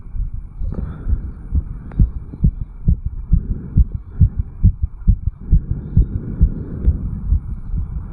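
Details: 34-year-old male, recorded at the mitral area after jogging uphill: rapid, regular, forceful heartbeat, stated 160–180 BPM (heard about 140 per minute), sinus tachycardia after exercise.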